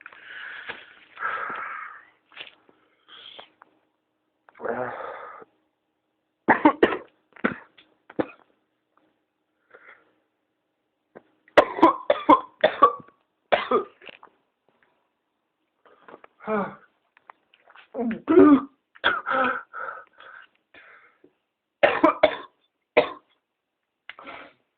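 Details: Adult with whooping cough (pertussis), ill about 2 weeks, tested by a doctor and on medication, filmed around 7am: clustered coughing bursts with strained wheezy breaths between, paroxysms recurring about hourly and causing dry heaving and vomiting.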